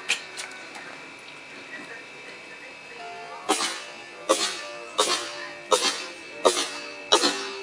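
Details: A Sphynx cat sneezing: six short, sharp sneezes in quick succession, roughly one per second, over faint steady background music.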